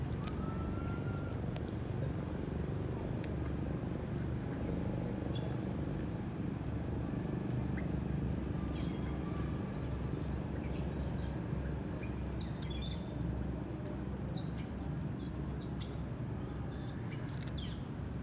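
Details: Repeated thin, high-pitched rising-falling cries from an infant monkey whose mother is not caring for it, over steady low traffic rumble; infant monkey distress crying.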